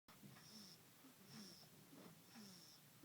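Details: Baby snoring: three regular noisy breathing cycles, each with a thin whistling tone, about one every second; light snoring with a faint whistle.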